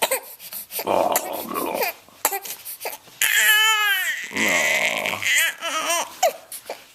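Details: Newborn boy (born March 5, 2012; recorded April 2, 2012) fussing, then loud rhythmic wailing cries with short catches of breath while being put in his car seat; ordinary protest cry, apparently hungry.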